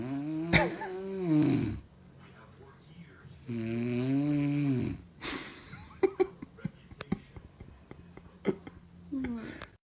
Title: Baby is scared of snoring